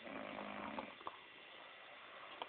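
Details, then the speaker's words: Woman friend asleep and lying completely still, snoring very loudly: a loud, rough, rattling sound on breathing in, apparently through the nose, then quieter breathing with soft room noise; snoring. "She's not even moving. Most people when they snore, they're like, she's not even moving. It's like coming out of her nose. It's great."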